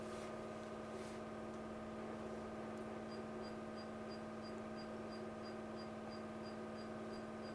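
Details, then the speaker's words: Diode laser hair removal device firing trial shots on a man's shaved, gel-covered beard area during facial laser beard removal; steady machine hum, fan drone and soft regular high ticks about three a second. "Okay, now we take a couple of trial shots. And we will see how it turns out to be."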